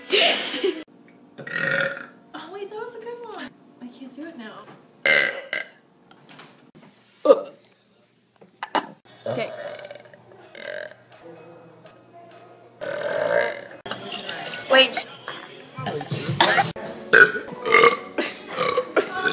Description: Burps which were originally deleted from 2013.